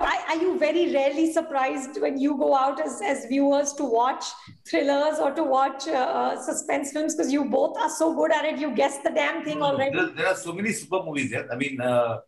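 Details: Adult woman; typical speech.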